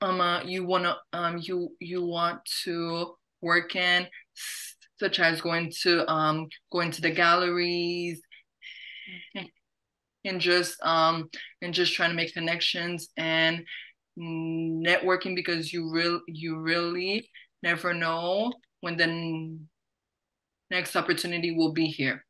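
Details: Adult who stutters, hosting a National Stuttering Association webinar on careers; repetitions of words and phrases are audible; stuttering.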